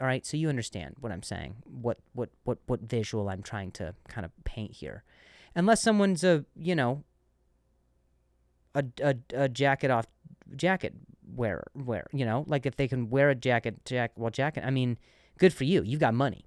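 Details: Adult male comedian who stutters and says he sometimes switches words after stuttering; word repetitions; stuttering.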